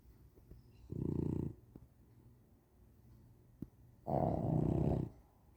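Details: Two Boxer dogs, Daisy and Flash, snoring while asleep, one of them very loud; snoring.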